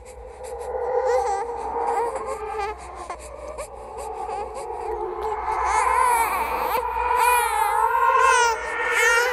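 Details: Horror sound-effect compilation of a ghost baby crying: wailing, high-pitched crying with rising and falling pitch, repeated in bursts over background noise; infant cry.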